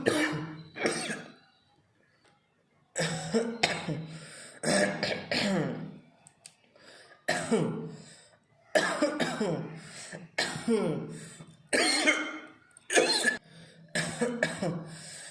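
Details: Deliberate voluntary coughing by an adult in a one-minute coughing challenge that lasted about 50 seconds: a dozen harsh bursts in quick groups with short pauses.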